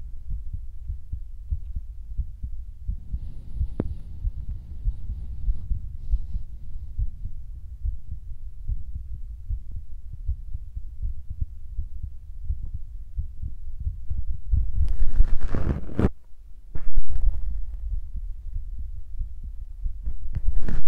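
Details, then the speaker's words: Self-recorded ASMR of the person's own heartbeat, which they say is beating faster than usual: muffled, steady low thumping with brief rustling and handling noise partway through; normal heartbeat. "like 60 to like 80 beats per minute is good."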